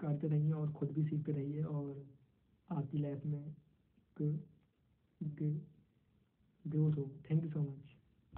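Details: 22-year-old man who stammers, member of a stammering support association, with syllable repetitions; stuttering.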